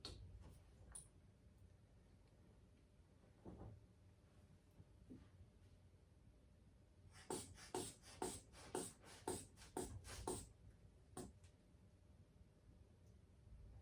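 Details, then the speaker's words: Manual blood pressure: cuff on upper arm inflated with hand bulb while palpating radial pulse to estimate systolic pressure (about 110); about ten soft squeezing puffs in a quiet room. "And we firstly start by palpating the radial pulse to get estimated systolic blood pressure. And we do that by inflating the cuff up until we can't feel the pressure anymore."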